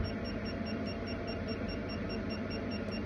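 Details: 980nm diode laser for vascular or spider-vein removal running in a demo, with power adjustable from 1 to 30 watts, foot-pedal start, and a cooling handpiece; a steady machine hum with a faint repeating high beep.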